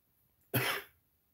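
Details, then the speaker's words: Adult man with a scratchy throat during a live toy unboxing: one short, harsh cough burst fading in a quiet room. Single dry cough. "maybe I'll do Live reviews if my throat wasn't scratchy right now"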